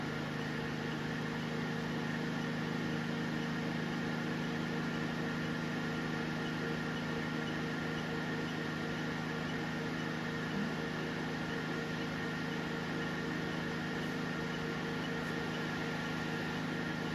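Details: Continuous low mechanical hum with a steady fan-like drone from a triple-wavelength (755/808/1064 nm) diode laser hair removal machine running during a live test treatment on a man's legs, who reports feeling a little warm.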